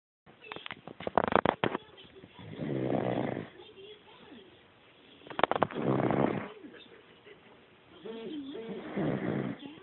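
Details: Three rattling, buzzy breath sounds about three seconds apart, with quieter breaths between them: snoring during sleep.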